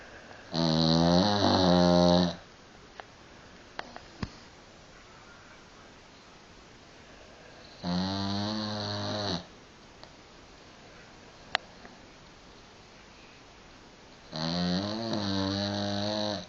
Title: Buster The snoring dog